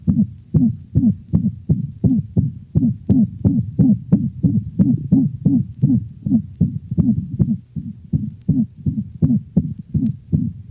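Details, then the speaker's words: Dog: rapid heartbeat with musical, whooping systolic murmur each cycle, another variation of the systolic whoop; whoop varies in frequency and may alternate with mixed holosystolic mitral insufficiency murmur. "the musical hoop varies in frequency and may alternate with the more common mixed holosystolic murmur of mitral insufficiency listen to another variation of the systolic hoop"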